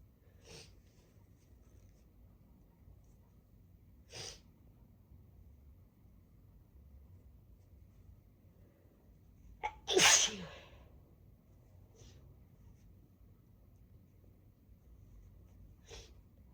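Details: Sneezing of a congested person triggered by chhinkni snuff in the blocked right nostril and sniffing the bottle: several faint sniffs, then one sharp, explosive sneeze in a quiet room.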